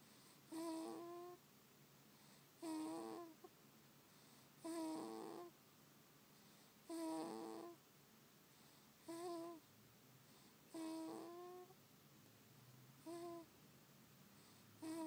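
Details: Sleeping baby snoring, recorded on an iPhone: soft, pitched, squeaky snores on each breath, about 28 a minute, in a quiet room.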